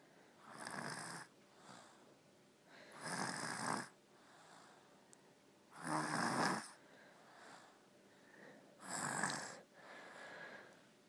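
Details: Steady snoring with rough, rattling in-breaths and soft sighing out-breaths about every three seconds, roughly 11 breaths a minute.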